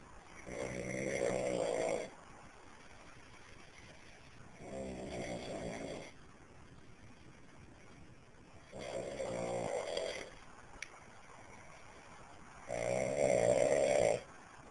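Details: Man snoring while asleep: four steady snores on the breath in, about every four seconds, around 15 breaths a minute, with quiet pauses between; ordinary snoring.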